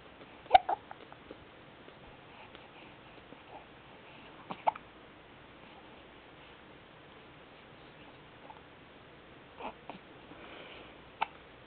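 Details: 3-month-old baby girl hiccuping while a parent plays with her: about five short, sharp, irregularly spaced gulping clicks over twelve seconds in a quiet room.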